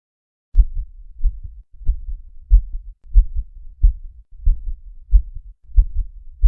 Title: Ausculta Cardíaca